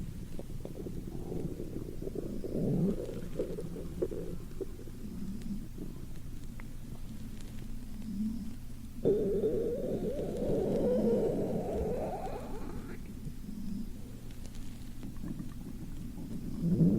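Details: Sleeping, hungry girl: low, drawn-out gurgling and rumbling from the belly, coming in waves; hunger-related stomach rumbling (borborygmi).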